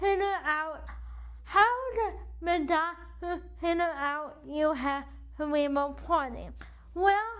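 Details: Dysarthria due to cerebral palsy in an adult woman whose CP affects the right side of her body, impacting her speech and movement; she uses a wheelchair.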